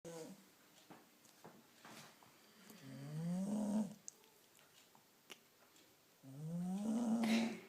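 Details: Dog snoring while asleep.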